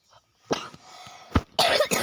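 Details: Sick child coughing repeatedly while playing a game: several short, harsh cough bursts, the last two loud and close together, a repeated cough during illness.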